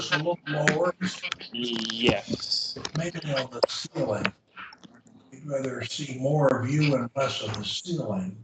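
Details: Adult; typical speech.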